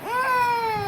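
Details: Single sustained infant cry, a clear tonal wail rising then slowly falling in pitch; baby refusing food (egg, rice) while being coaxed to eat.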